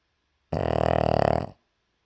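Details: Puppy, very tired after a rough day of playing, asleep: a single one-second rumbling, fluttering breath, a loud snore; snoring.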